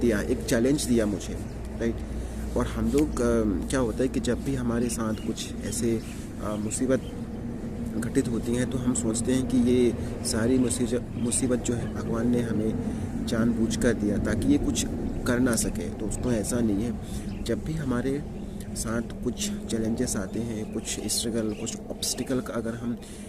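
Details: Stuttering in an adult man speaking Hindi, on day 51 of a 90-day speaking-practice challenge with yoga, meditation and breathing exercises; part-word repetition heard.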